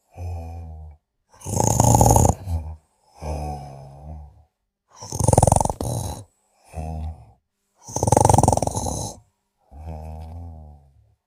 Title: Sleeping & Snoring